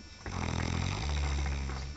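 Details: Man snoring during sleep: loud, deep, rattling snore through a long breath in with low vibrating rasp, as onlookers clap.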